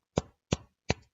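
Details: Adult woman with Tourette syndrome producing a string of vocal tics with coprolalia.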